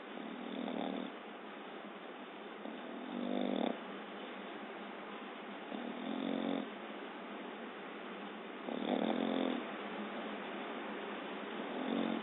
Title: Exeter snoring on the couch